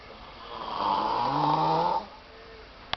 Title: Loud snoring